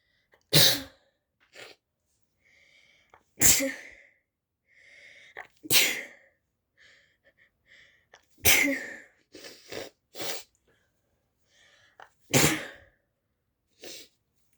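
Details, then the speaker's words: Male (brother) recorded on request: a run of about six sharp, explosive sneezes spaced a few seconds apart, with short breaths and small sounds between them; sneezing. "i'm gonna film my brother i'm gonna record my brother when he's sneezing"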